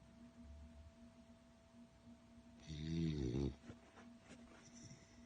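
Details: A sleeping beagle gives one loud, low, rattling snore on an in-breath amid quiet room hum, sounding human-like.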